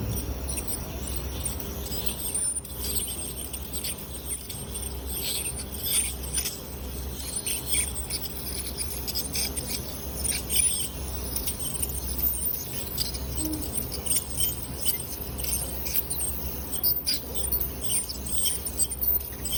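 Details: Ultrasonic dental scaler removing tartar and calculus at a dental clinic: continuous high-pitched hiss and faint whine with intermittent scratchy chatter and a low hum.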